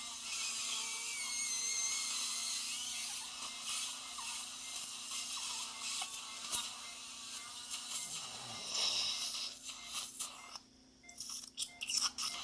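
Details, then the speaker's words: Steady high grinding hiss with water spray and brief pauses near the end: a slow-speed handpiece with a #24 round long-shank bur recontouring bone during implant surgery for missing central incisors, which were lost in childhood to a baseball injury. "it's basically a 24 round long shank Burr that goes into your sloweed hand piece and uh it's a it's pretty simple"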